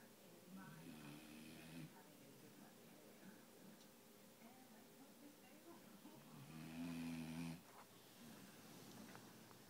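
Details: A dog snoring in sleep: two soft, rumbling snores about five seconds apart over quiet room noise.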